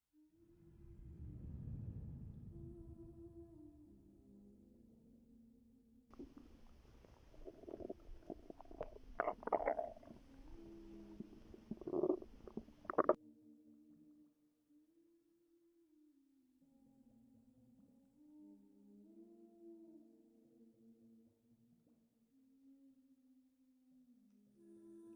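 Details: Long gurgling, groaning abdominal rumbles with bubbly bursts, recorded from a pregnant woman's abdomen while she rested before her contractions began; ordinary stomach growling (borborygmi).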